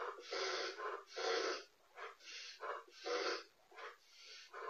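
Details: A dog, filmed by a home pet camera, gives a rapid run of about nine harsh, wheezy coughs in under five seconds; the footage helped a vet reach a diagnosis.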